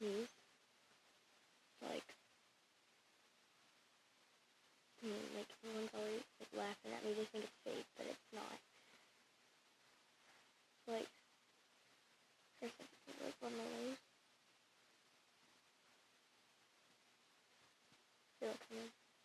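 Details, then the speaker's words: A person's unusual sneezing: bursts of rapid, high-pitched snorting sneezes, likened to a dog's reverse (backwards) sneeze, in a quiet room. "Oh my gosh, I sound like a dog. Like, you know how dogs like backwards sneeze?"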